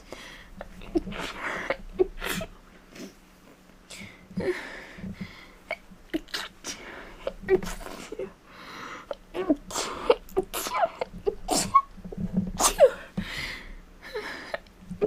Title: A bunch of cold sneezes